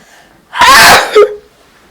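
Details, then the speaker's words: Person feeling very sneezy that day: a single loud, explosive sneeze followed by a short voiced catch of breath, in a quiet room; voice goes high when sneezing. "hey guys um if you just heard those two loud sneeze I just did cuz I don't know if my camera was on but um I've been feeling really really Sneezy today"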